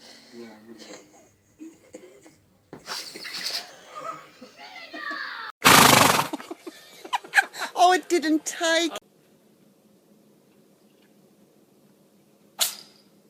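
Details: A sharp, loud burst of air from an animal, then people laughing and talking; a sneeze.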